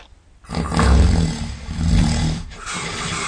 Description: Molly is busy snoring covered in grass. Don't wake her please, she's snoring really loudly.